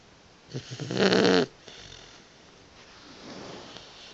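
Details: Sleeping Boxer puppy: a single loud, rough snore on an in-breath, followed by quieter breathing; snoring.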